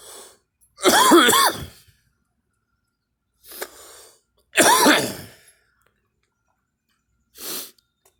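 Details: Two strong, throaty coughs with shorter, softer coughs between them, about four in all, in a quiet room; cough.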